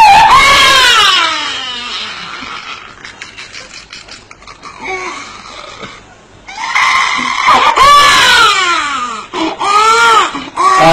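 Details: Loud, high-pitched infant wailing cries with falling and rising pitch, separated by a quieter stretch; an ordinary infant cry.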